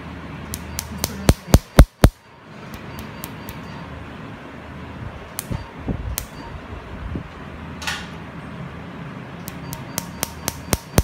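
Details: Laser tattoo removal treatment at a dermatology clinic, the patient warned of a slight pricking sensation at the start: sharp snapping clicks in quick bursts over room noise, the laser pulses.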